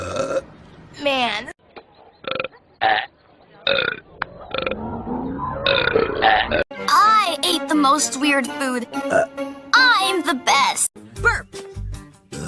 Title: Cartoon Burp Compilation | Female | Part 1